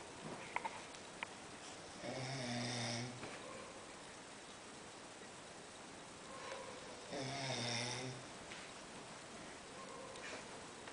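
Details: Snoring during sleep: two rough, vibrating snores about five seconds apart, around 12 a minute, over quiet room hiss, described as going on all night.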